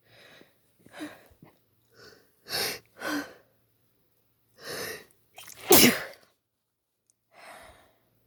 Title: wet spray sneezes